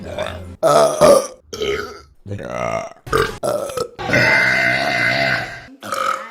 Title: Burping Compilation September #2 | RBC